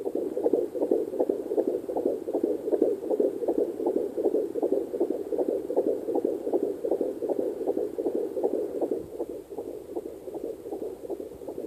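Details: Fetal heartbeat at 14 weeks 1 day on a Sonoline C2 Doppler: rapid, regular, galloping whooshing beats at about 158 a minute over a watery hiss.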